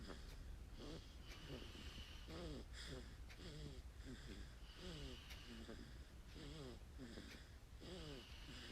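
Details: Infant aged 1 month 13 days, called snoring by the parent: soft, rapid, snuffly, congested nasal snorts with each breath; nasal snorting.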